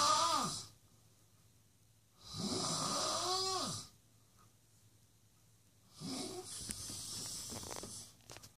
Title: Worst snoring in the world